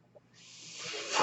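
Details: The speaker's own mechanical ventilator during a spoken podcast recording: a soft airy hiss builds steadily over about a second and peaks at the end, the inspiratory airflow of a delivered breath.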